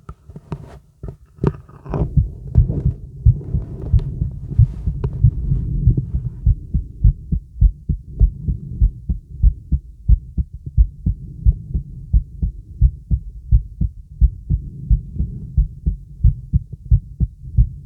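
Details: Young woman's heart auscultated with a stethoscope: loud, steady heartbeat at about 88 beats a minute after brief rubbing noise; caption mentions skips.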